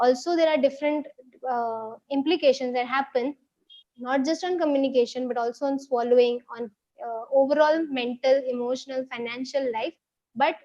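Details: Adult woman speaking; normal speech.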